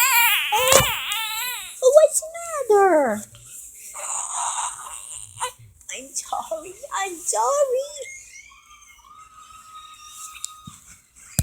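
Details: Baby being talked to by grandma: rising and falling infant wails and whimpers that fade to quiet fussing, with an adult voice and room noise in background.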